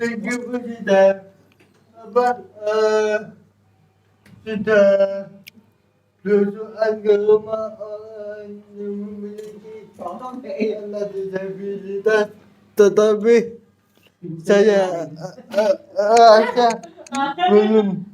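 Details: Adult with cerebral palsy, real speech: dysarthric speech in cerebral palsy.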